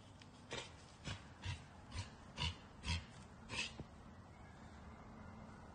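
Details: Wild whitetail doe coughing outdoors on an autumn morning in Pennsylvania woodland: six short, harsh cough bursts against quiet woodland background noise; deer cough.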